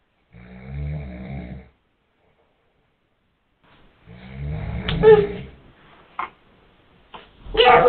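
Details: Sleeping father giving loud, low, rattling snores, followed by brief sharp sounds and movement noise as a baby reacts; snoring.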